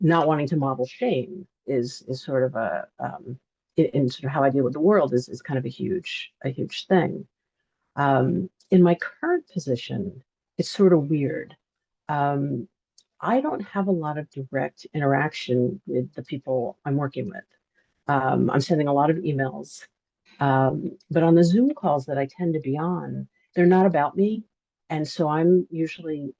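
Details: Adult man who stutters; stuttering.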